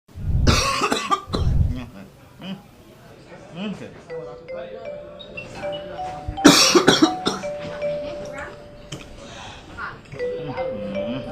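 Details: Acted public-service ad on cough and sneeze etiquette, simulated coughing: several harsh cough bursts with soft chime music and brief voices in the background; cough.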